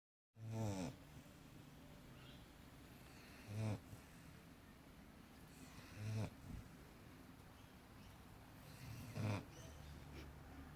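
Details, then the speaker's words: Three-year-old female English Staffordshire Bull Terrier snoring while asleep: low, rattling snores about every 2.5 seconds, roughly 19 breaths a minute, over steady room hum. "What are you doing? You snoring, baby girl? You have a good sleep?"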